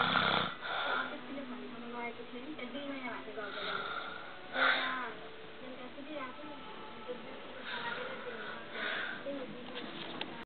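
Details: Slow, irregular rattling breaths with some whistling tone, about 13 a minute, from an adult man (father) asleep; snoring.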